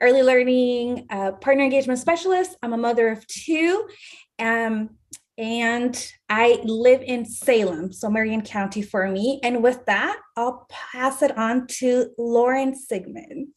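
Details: Adult woman speaking; normal speech.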